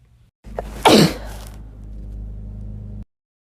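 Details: Natural sneeze: a brief catch of breath, then one sharp, explosive burst of air fading into a low steady background hum.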